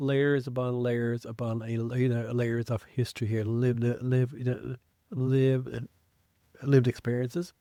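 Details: Man who identifies as a person who stutters, with self-described blocks and prolongations, speaking English as a podcast co-host; real. Finding: stuttering.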